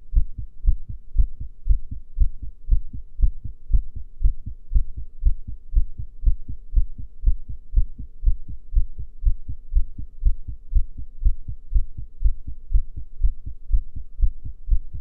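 Steady, regular low thumps at about 120 a minute, with a faint hum behind them. Normal heartbeat recorded during a breath hold.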